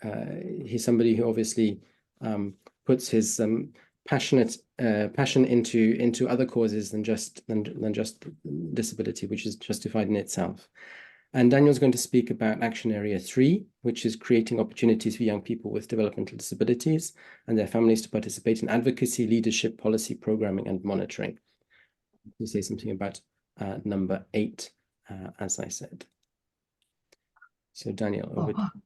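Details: Adult male speaker; typical speech.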